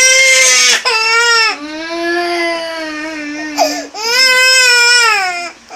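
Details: Two young children crying, one joining in after their older brother left: loud, sustained, high-pitched wailing in long cries with short gasps between; ordinary distressed crying.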